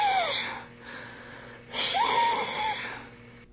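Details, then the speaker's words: Musical, whistling breath sounds over two breaths, illustrating wheeze from airway inflammation, mucus and bronchoconstriction during an asthma flare-up. "all three of these changes inflammation more mucus and bronchoconstriction make it difficult to breathe less space in the airway for air to flow in and out the person make off wheeze and"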